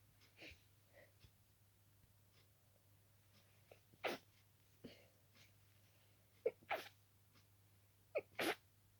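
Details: Run of about six soft sneezes in nine seconds with quiet breaths between, in a quiet room with a low hum, from a sleepy person at night, possibly set off by dusting the room before bed.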